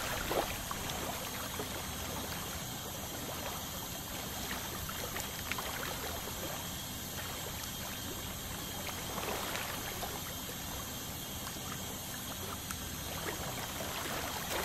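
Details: Dental scaling with water spray to remove tartar from a 29-year-old male's teeth: a steady water-spray hiss with faint high scraping and instrument noise throughout, typical of ultrasonic scaling.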